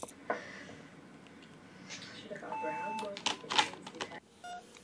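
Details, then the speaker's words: Cochlear implant switch-on in a one-year-old boy hearing for the first time: short, steady electronic test tones in a quiet room with faint voices, starting at a very low level and gradually raised. "beeping now we'll just keep creeping it up until we see him do something that makes us think he can hear"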